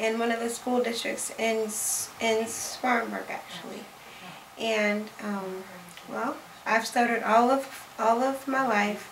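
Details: Adult man who stutters, a member of a National Stuttering Association support-group chapter, speaking on International Stuttering Awareness Day; stuttering.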